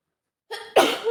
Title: Scenario: She must have caught a cold during that storm (F) | strong sick sneezes